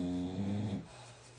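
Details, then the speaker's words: Sleeping dog (puppy) loudly snoring during a morning nap, heard in the background while someone talks. "Can you hear Otis snoring? He's really really sawing some logs over there. He's tired, puppy."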